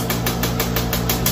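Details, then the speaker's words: Shockwave therapy applicator on the shoulder setting, demonstrated for chronic issues: rapid, steady mechanical pulses, about six per second, with a motor hum. "we're going to go ahead and just choose shoulder as an example which is a common issue and this is what you'll sound and it goes right against different parts of your your body in your skin so very gentle"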